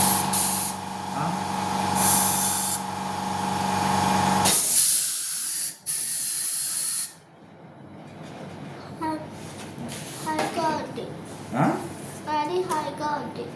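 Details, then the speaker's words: Dental air syringe during a child's pulpectomy: loud steady hiss of air bursts blown into the open mouth, a normal part of treatment, then quieter room sounds. "గాలి కొడుతుంది నార్మల్గా గాలి."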